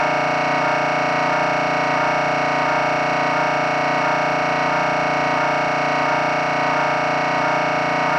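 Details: Sample MRI scanner noise for patient preparation: loud, steady electronic droning with a rhythmic pulsing pattern as a sequence runs.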